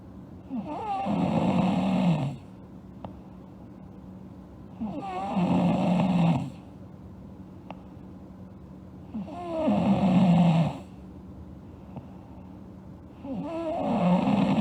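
Loud, rough snores on each breath in, about 14 a minute, with quiet breaths out between them. Ordinary snoring.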